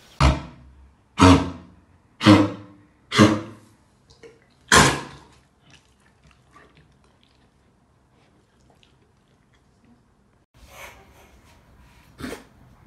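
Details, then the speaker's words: Adult dog with kennel cough (canine infectious tracheobronchitis), which affects the airways with sneezing and coughing that can lead to vomiting: a run of five harsh, honking coughs about a second apart. "поражаются дыхательные пути и с этим связаны симптом чихание и кашель и кашель вплоть до рвоты"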